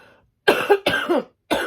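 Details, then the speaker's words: An adult woman with lingering bronchitis that tickles her throat and irritates her bronchi coughs while speaking. It is a cough. "En plus, j'ai des vieux rêves de bronchite qui sont encore là. Donc, ça me chatouille la gorge et du coup, ça réveille les bronches."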